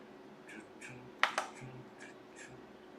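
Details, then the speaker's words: Obstetric ultrasound Doppler at 10 weeks' gestation with the fetus moving: rapid, soft whooshing fetal heartbeat at 165 beats per minute, with two sharp clicks. "the baby is moving the heart rate right now is at... 165 beats per minute, 165 the number comes out here, look... 165"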